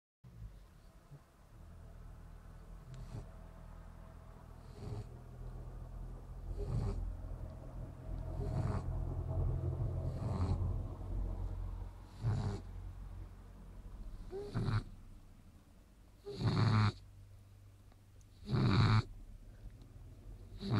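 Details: A sleeping shar-pei dog snores in repeated rough, rumbling bursts about every two seconds, roughly 28 a minute: snoring.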